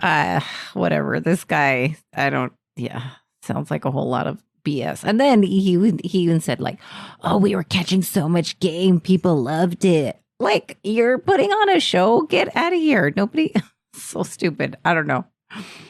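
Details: Adult woman speaking; normal voice.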